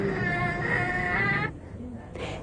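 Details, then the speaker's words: Brief fretful, whining cry from a young child judged restless and irritable, a general-condition sign assessed for dehydration in childhood illness (IMNCI) teaching. "this child's condition could best be described as restless and"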